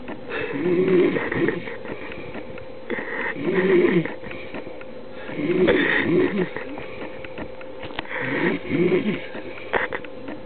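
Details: Drunk man who passed out mid-sentence, heavy snoring: loud, rattling snores repeating about every 2.5 seconds (roughly 22 a minute) in a small room.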